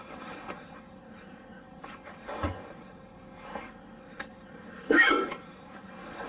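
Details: Male hiccups, audio only: several short, abrupt gulping bursts at uneven intervals over a few seconds, with quiet room noise between them.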